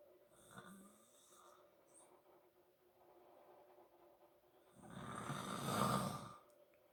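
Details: Father snoring while asleep: quiet breathing followed by one loud, rough, rumbling breath; snoring.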